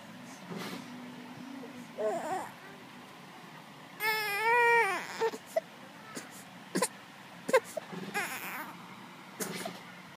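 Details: Infant with a cough and cold, described as listless and fussy, giving short, fussy cry bursts with whimpers; infant crying during a cold.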